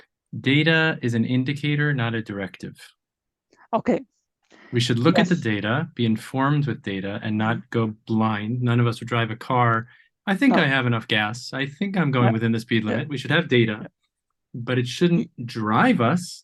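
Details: Adult man speaking; typical speech.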